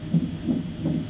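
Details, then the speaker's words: Fetal heartbeat on hospital monitor at 39 weeks after mother's waters began breaking, before scheduled C-section, no contractions yet: rapid regular whooshing pulses, roughly 160 per minute. "um I'm on a monitor I can hear the baby's"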